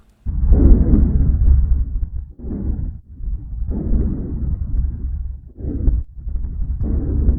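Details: Lung auscultation of a thin dog, body condition score 3 of 9: soft, low rushing airflow in repeating breath cycles without crackles or wheezes, normal vesicular breath sounds.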